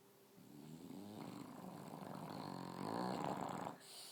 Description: English bulldog snoring